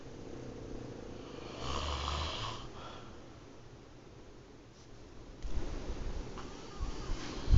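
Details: Snoring recorded close on a phone: a deep, low rumbling snore on the in-breath, then quieter breathing, with some handling noise.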